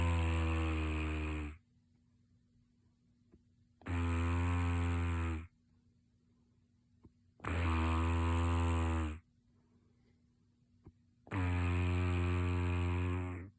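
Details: A sleeping person's snoring: loud, rough, buzzing snores on each in-breath, about 16 a minute, silent pauses between, low steady room hum; snoring.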